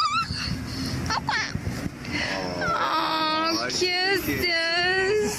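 Wavering high-pitched crying and whimpering from an infant, with adult voices and room noise in the background; an ordinary infant cry.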